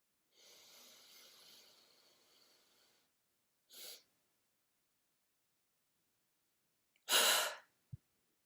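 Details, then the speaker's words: Simulated airway clearance demonstration: slow deep nasal inhalation, a sniff, three-second breath hold with open airway, then one quick forceful open-throat exhalation expelling all air; a high-level huff for clearing mucus. "hold your breath for three seconds while maintaining an open airway and perform a quick short exhalation expelling all of the air out of your lungs at once"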